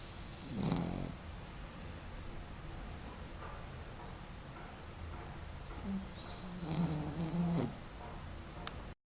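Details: Snoring with snorts and sighs: two loud, low rattling snores several seconds apart over quiet room noise.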